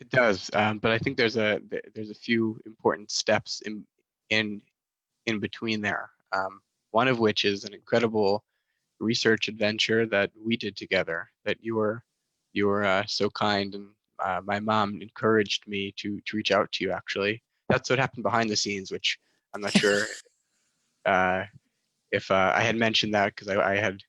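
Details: Stuttering in a young adult male master's student who describes himself as a proud person who stutters.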